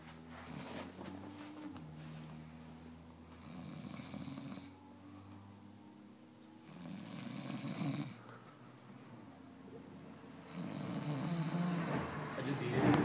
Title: Funny Snoring Room mate (loudest snoring man in Ellenville NY)